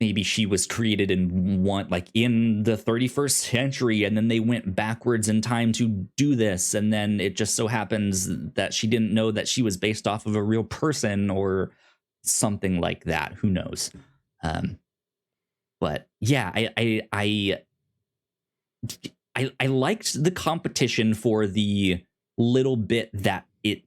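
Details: Male podcast host who says he has a speech impediment and stutters; stuttering.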